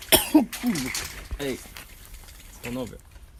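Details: A few short coughs and throat clearing with a voiced quality, in a quiet room; cough.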